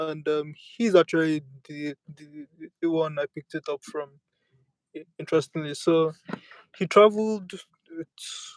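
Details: Speaker who self-reports a real stammer and accepts it rather than using avoidance strategies; stuttering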